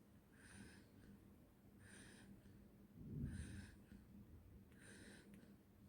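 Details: Noisy snoring breaths with a snoring rattle, regular and snorting at about 40 a minute, from a sleeping 4-month-old baby boy; infant snoring.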